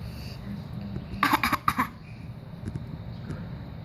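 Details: A child gives a short run of about three to four forced coughs when asked to show his "bad cough," an imitated cough rather than a spontaneous one.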